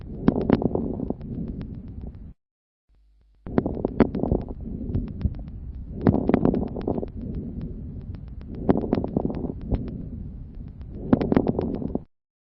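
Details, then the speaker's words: Teaching recording of lung auscultation: repeated breaths with many brief, sharp, high-pitched explosive clicks during inspiration: fine crackles. "Les râles crépitants sont des bruits courts et explosifs. On distingue selon leur hauteur les crépitants fins et les gros crépitants. Écoutez d'abord des crépitants fins."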